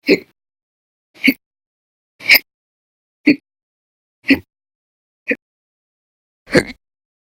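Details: Violent, very loud hiccups logged 11/21/19–11/30/19, with episodes lasting hours (e.g., 13 h 28 min on 11/22/19); seven loud, abrupt, gulping bursts about once a second with silence between.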